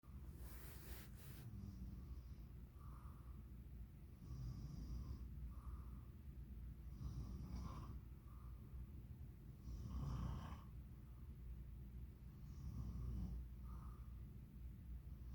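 Low, soft snoring breaths recurring every few seconds beneath a steady room hum; snoring.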